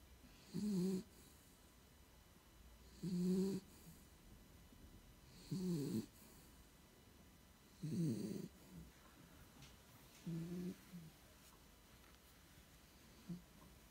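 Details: A sleeping pitbull snores in a steady rhythm, about five snores over fourteen seconds.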